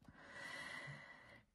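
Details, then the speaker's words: A small sleeping pet dog lying beside the speaker gives a single snorting, rough snore-like breath: dog snoring. "alors si vous entendez ronfler mes amours c'est ma ma petite chaîne Milly mon petit bébé qui est à côté bah qui vit sa best life hein"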